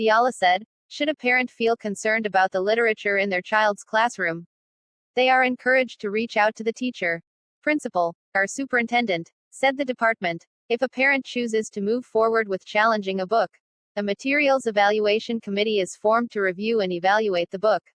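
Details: Adult reading aloud, possibly a synthesized voice; normal speech.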